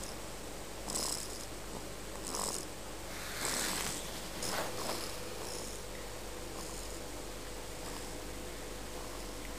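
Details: Soft, breathy, rhythmic snoring with each breath from a sleeping cat, Oliver, over a steady low background hum.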